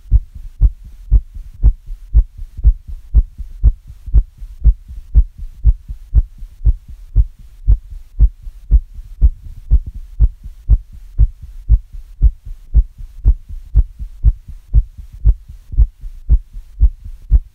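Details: Mildly fast heartbeat (tachycardia), recorded after the listener's own heart raced from hearing very fast heart sounds: steady, regular heart thumps at roughly 118 beats a minute.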